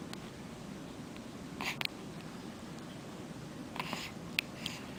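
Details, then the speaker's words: A pet cat's hiccups: faint, brief clicking jerks at irregular spacing against a quiet room hiss. "Do you have the hiccups? Do you have the hiccups, sugar? My poor Isabella."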